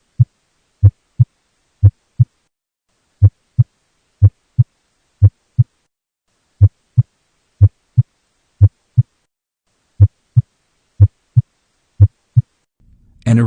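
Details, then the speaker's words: Example audio clip of a regular sinus beat in a nursing exam review: clean, low paired lub-dub beats at about 60 a minute with a steady rhythm, normal sinus rhythm. "you may also hear audio clips of heart sounds such as a regular sinus beat"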